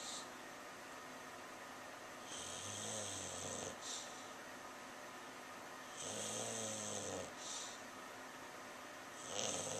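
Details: English Bulldog asleep after a tiring day, snoring loudly and also barking and running in his sleep; snoring.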